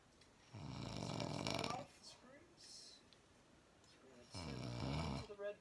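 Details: Two loud, rough, fluttering snores from a sleeping woman with a quiet pause between; ordinary snoring.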